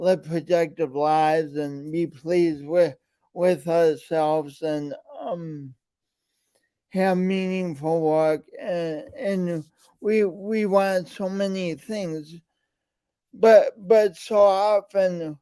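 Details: Speech impediment present since birth, with coordination differences; still present in adulthood; disfluent speech.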